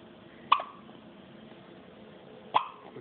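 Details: Infant girl with hiccups: two brief, sharp hiccup sounds about two seconds apart against quiet room noise.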